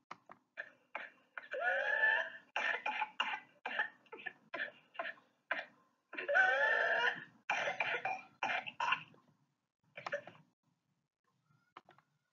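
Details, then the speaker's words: Typical whooping cough (pertussis) paroxysm shown on a presentation slide: runs of rapid repeated coughs without a breath between, each ending in a long high-pitched whooping in-breath (reprise). "на този слайд може да чуете как звучи типичният кашличен пристъп последван от реприз"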